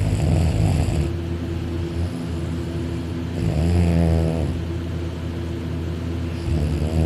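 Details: Dakota, a male napping on a couch after waking, lying on his back with his arm over his head, mouth open and drooling; loud, continuous low rattling snoring that rises and falls with each breath, loud enough to vibrate the couch, said to be louder on his back.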